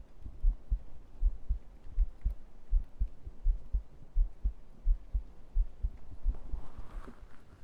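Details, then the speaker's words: ASMR stream heartbeat segment: soft, regular low thumps at about 85 a minute under faint hiss; a normal heartbeat. "I think you love that one. do a bit more heartbeat and then do some brushing."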